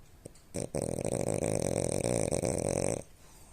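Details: A single loud, fluttering, rattling snore lasting about two and a half seconds from a sleeping French Bulldog; snoring.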